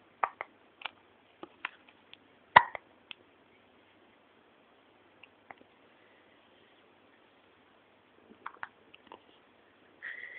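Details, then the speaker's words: Hiccups in a 10-day-old baby girl: repeated short, sharp hiccup sounds, about ten over several seconds, with a soft vocal sound at the end. "Poor girl. Poor girl. You have the hiccups."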